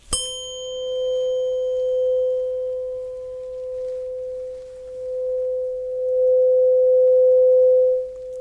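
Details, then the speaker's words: Simulated ASMR role-play cranial nerve hearing test with a second tuning fork of a different frequency: a steady pure ringing tone, swelling slightly, then cut off abruptly near the end. "but i would like to try another tuning fork which makes a different kind of frequency sound so let's go ahead and see how that goes and let me know when you don't hear the sound anymore"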